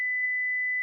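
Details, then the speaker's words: Philips HeartStart FRx AED used on an adult victim, pads applied: after "analyzing heart rhythm", a single steady high-pitched alert tone under a second with "shock advised, stay clear of patient", just before the prompt to press the flashing orange shock button. "stay clear of patient analyzing heart rhythm shock advised stay clear of patient"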